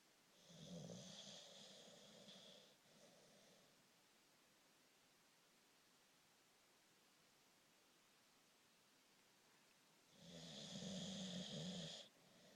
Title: Snoring